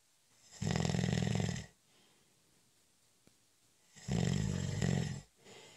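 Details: Snoring during a short, light nap: two loud, low rattling snores on breathing in, a few seconds apart, quiet room between them; snoring.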